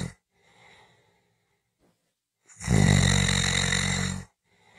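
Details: Snoring audio recording: a quiet breath, then a loud, rattling, low snore on the in-breath from vibrating throat tissue during sleep. Snoring.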